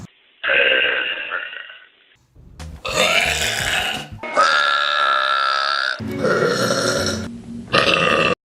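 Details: Compilation of burps taken from online videos: several long, loud, drawn-out burps in a row, some with a voiced croaking tone, over faint background music; repeated burping.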